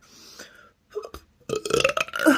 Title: Hiccups and burps